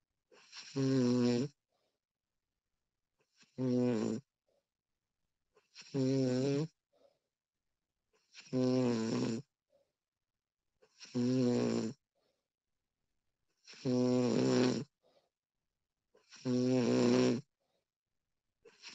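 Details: Recorded real person's snoring, female version: loud, regular voiced snores on each breath in, about 23 a minute, with silent pauses between.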